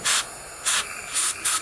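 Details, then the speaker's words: Porcelain repair of a fractured porcelain-fused-to-metal bridge (teeth 5–7) intraorally: four short hissing bursts from a dental air syringe drying silane after 60 seconds' contact; dental air syringe blowing. "just to make certain that it is, a little air, and it is now nice and dry."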